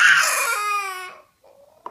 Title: Baby Crying over Cups